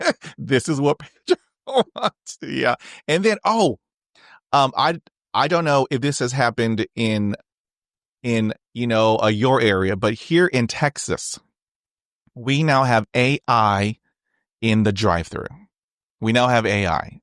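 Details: Adult male, a person who stutters, with an ongoing stutter he uses to communicate; real, unscripted conversational speech showing stuttering.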